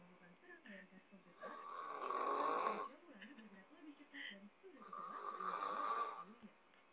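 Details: Two long, rough, rattling snoring breaths of about three seconds each, with quieter breathing between, from a sleeping friend who habitually snores; snoring.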